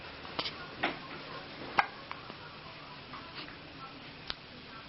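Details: Baby girl with hiccups.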